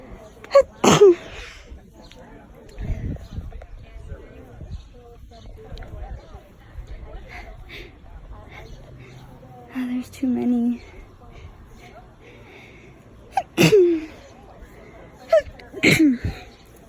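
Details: Sneezes brought on in a garden with flowers everywhere: several forceful sneezes, some in a close pair, with quiet voiced sounds between and outdoor background noise; sneezing.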